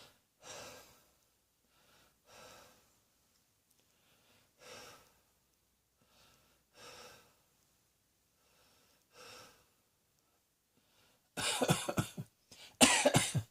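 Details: Five soft, evenly spaced breathy cough-like bursts from a person lying on a bed relaxing in a quiet room, then two louder harsh bursts at the end; cough.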